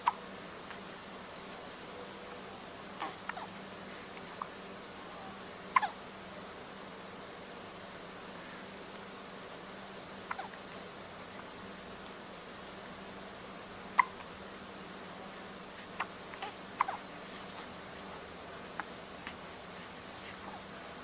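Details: Identical twins with hiccups at the same time: faint, brief, sharp hiccups recurring irregularly in a quiet room with steady hum; recorded on a Flip Video camcorder.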